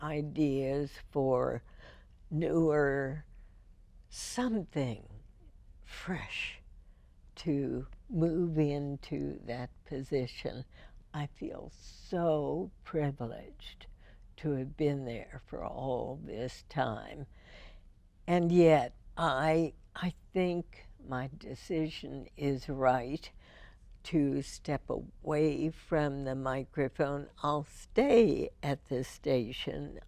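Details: Woman, a longtime radio host, with spasmodic dysphonia first diagnosed in 1998, treated every four months with botulinum toxin injections into the vocal cords; spasmodic dysphonia.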